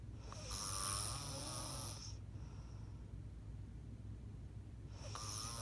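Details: Loud rattling, fluttering snore on the in-breath, then a quiet pause before the next breath; ordinary snoring during sleep, recorded by someone else.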